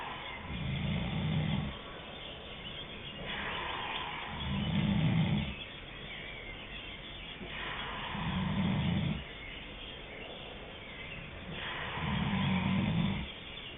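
Slow, regular low rattling snores, one on each breath in, about four in fourteen seconds with quiet breathing between.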